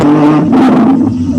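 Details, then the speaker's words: Wheeze on lung auscultation: a continuous, musical, whistling tone through the breath, higher-pitched and thinner than rhonchi. "é mais aguda mais fininho não é igual um gato miando mas é mais fininho"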